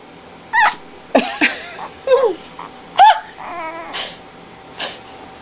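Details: Several tiny, high-pitched squeaky sneezes and snorts from 2-week-old puppies whose eyes have just opened. The mother is a border collie, rough collie, Aussie and Lab or golden mix, and the father is unknown. Faint room noise between sneezes.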